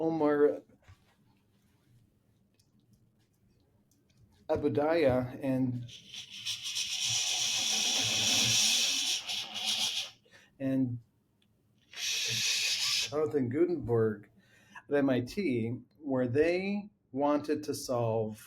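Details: Adult man with lifelong stuttering that runs in his family (two brothers also stutter); long pauses while speaking.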